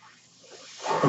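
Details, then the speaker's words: A home mechanical ventilator heard during a spoken podcast: a soft hiss of air swells into a louder rushing breath between the user's spoken phrases, which is home mechanical ventilator air flow. "Hello everyone, that noise you hear is my ventilator."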